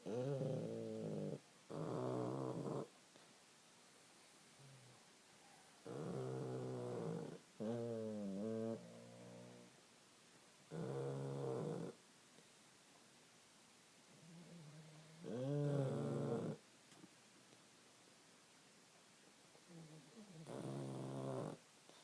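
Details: Snoring during sleep: loud, rough, buzzy snores repeat about every five seconds, each lasting one to two seconds, with quiet gaps between.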